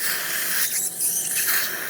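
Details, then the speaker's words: Surgical suction during dental implant surgery, clearing inflammatory tissue from a tooth #4 extraction socket (hopeless root fracture, large abscess) before bone grafting: steady airy hiss with slurping, gurgling changes as fluid is drawn up. "So we want to be very diligent about cleaning this, otherwise the graft won't be successful. Can I get the surgical section, please?"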